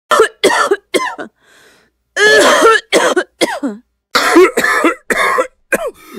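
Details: Cough sound effect: about ten harsh, voiced coughs in quick bursts with brief pauses, one drawn out longer, like an adult coughing fit.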